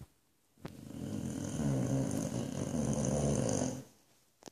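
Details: Very loud snoring from Boofy, a sleeping Boxer dog in Australia: one long, deep rattling snore lasting about three seconds; heavy snoring in a short-nosed breed.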